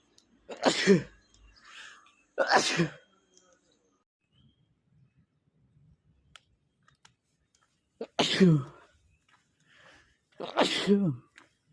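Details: Male sneezing, possibly from a cold or photic trigger, unable to stifle them: four separate sharp, explosive sneezes, each preceded by a brief intake, in a quiet room.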